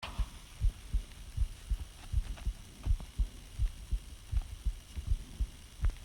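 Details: Person's own heartbeat recorded by their partner, soft and muffled near 80 a minute, quickening with each breath in; person asks whether this is normal; respiratory sinus arrhythmia.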